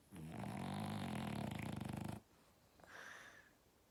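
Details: French Bulldog puppy snoring while sleeping: loud, rattling snore on a single breath in, then a quieter breath out; snoring.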